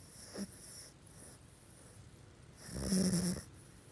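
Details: A sleeping pug with eyes partly open: quiet breathing with a faint snort, then one louder snorting snore typical of a flat-faced dog; loud pug snoring.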